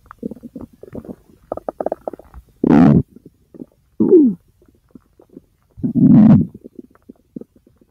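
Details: Ordinary bowel sounds (borborygmi) recorded from the large intestine: gurgling, bubbling rumbles with scattered small clicks and three louder drawn-out growls.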